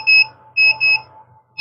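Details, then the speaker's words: Short high-pitched electronic beeps in a one-then-two pattern: call-service alarm of a GCE Zen-O lite portable oxygen concentrator with weak, low-pressure output. "Hindi ko alam bakit mahina pa rin yun. So pag mga ganyan guys inaano niya service."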